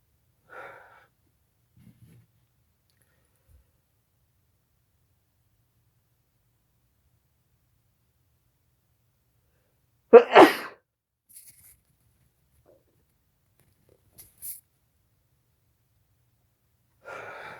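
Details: A single ordinary sneeze: a soft intake, then one sharp, explosive burst in a mostly quiet room.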